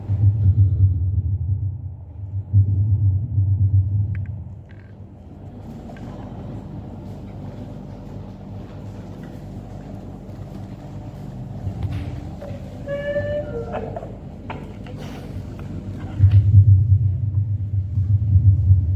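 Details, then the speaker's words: Fetal heart sounds on a Doppler device (Doppler speaker) during obstetric examination teaching: fast, rhythmic low whooshing pulses once the heartbeat is found. "Nah kalau dia kita lagi nyari kalau kita lagi nyari suaranya datatonnya bunyinya seperti itu tapi nanti kalau sudah dapat Oh speakernya di sini rupanya Kalau sudah dapat bunyinya seperti ini"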